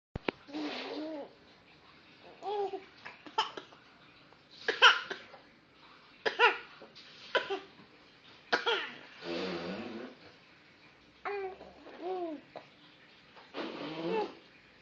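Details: An infant boy playfully pretends to cough, making short coughing sounds mixed with squeals and babble; voluntary pretend cough, not illness.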